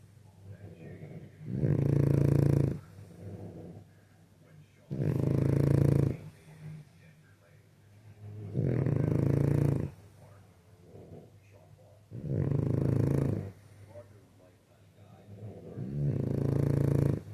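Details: Sleeping flat-faced dog snoring: loud, regular rattling snores, about five in 17 seconds, roughly 17 breaths a minute.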